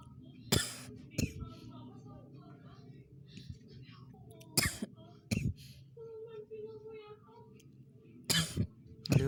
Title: coughing